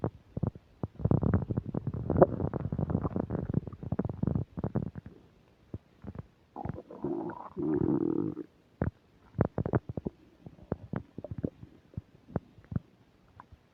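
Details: While eating a burger and fish fries with self-described upset digestion, close new microphone picks up loud gurgling, popping and drawn-out belly rumbles with crackly static bursts; active bowel sounds (borborygmi).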